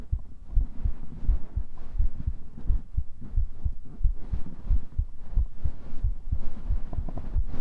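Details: ASMR roleplay heartbeat recorded with a 3Dio binaural mic: steady soft low thumps in regular rhythm, roughly 70 a minute, faint hum behind; ordinary resting heartbeat.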